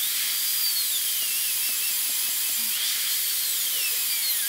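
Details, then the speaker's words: Full zirconia crown preparation, tooth number three (upper molar), rounded shoulder: continuous high-pitched whine with slight pitch shifts from a high-speed dental drill cutting occlusal guide cuts along the lingual groove and oblique ridge. "I think ya know I will do another guide cut along the oblique Ridge and it will connect with the other guide cut on the distal buccal cusp going along that triangular Ridge"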